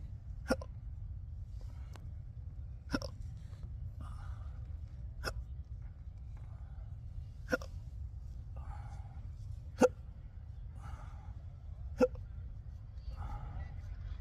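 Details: Adult with intractable, debilitating persistent hiccups, recorded in a restaurant: sharp, abrupt hiccups about every two seconds (roughly 27 per minute) over steady low background noise; persistent hiccups.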